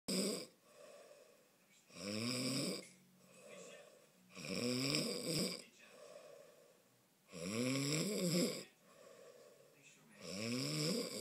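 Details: An adult man (a child's father) snoring: loud rattling snores on each in-breath with quieter out-breaths between, about 4 breaths in 11 seconds; snoring.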